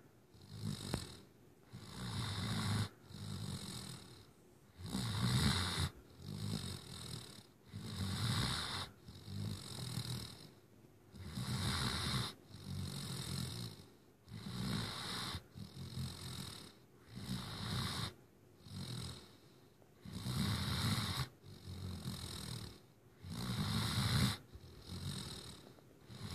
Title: Sheldon the Great Dane puppy snoring.